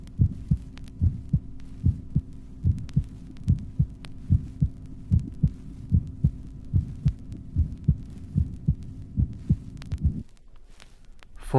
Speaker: The normal heart, recorded at the apex. The first and second sounds are clearly audible.